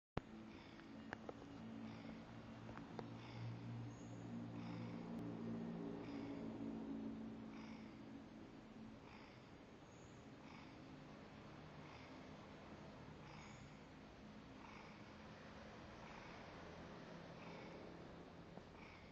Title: Snoring Cat